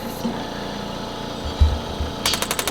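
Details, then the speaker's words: Radial shockwave therapy handpiece starting to fire for an adult woman after hip replacement surgery, set to 1 bar: room noise and low thumps, then sharp regular tapping pulses. "the standard is 2,000 and then the pressure is what we're going to focus on we'll start you up at one bar okay kind of sounds like this"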